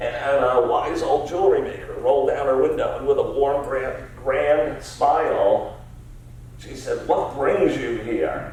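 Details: Adult male CEO diagnosed about seven years earlier with spasmodic dysphonia, a rare neurological disorder affecting only speech with no known cause or cure; treated with periodic Botox injections; lacks consistent, comfortable use of his voice; spasmodic dysphonia.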